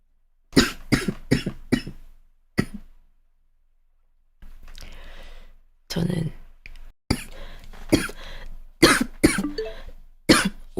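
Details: Girl with dry cough, now much better; a run of several harsh coughs in quick succession, more after a pause, adult talk in room.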